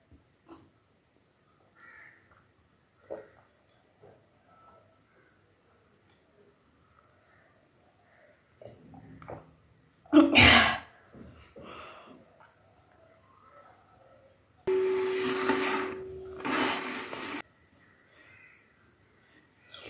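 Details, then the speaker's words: Woman performing kunjal kriya, a yogic cleansing for cough, mucus, gas, acidity and constipation: after drinking about 2 litres of water she induces vomiting with the middle finger, producing gagging and retching bursts, then a gush of water. "जो पानी हम लोग पीते हैं वो पानी हम लोग बस उल्टी करके निकल देते हैं"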